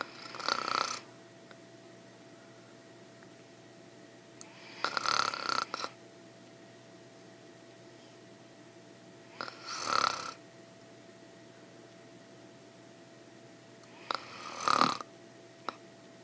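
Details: Adult woman snoring in sleep (ASMR recording): four rough, rattling breaths every 4–5 seconds, about 13 a minute, against a quiet room hum.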